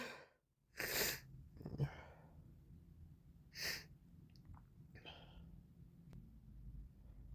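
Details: Morning sneezing with a runny, congested nose: two explosive sneezes followed by wet sniffling and snuffly breaths.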